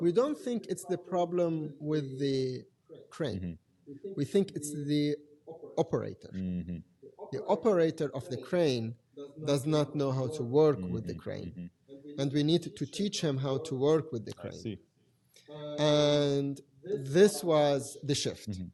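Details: Adult man who has stuttered since age five or six, with blocks, lip and tongue tension, word repetitions and filler secondary behaviours; now controlled with pull-out and preparatory-set techniques learned in therapy in Germany. Stuttering.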